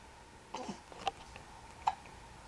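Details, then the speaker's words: Baby being readied for a diaper change, hiccupping again after babbling: a few short, abrupt throat sounds in a quiet room; infant hiccups. "We're getting ready to change our diaper. Hiccups again! We had so much to say just a minute ago."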